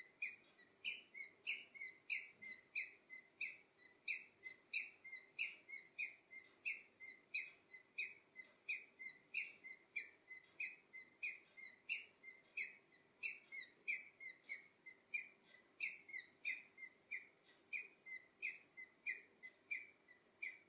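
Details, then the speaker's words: Male pet cockatiel with wheezing of sudden onset that lasted all night, after an afternoon caged outdoors in a warm garden; it died the next morning. Steady short, high squeaky clicks about 92 per minute, like labored breathing. "hey guys today i have a pretty sad video i i i feel pretty sad today because yesterday night my one of my two cockatiels started making this weird sound and he's been doing this sound for the entire night"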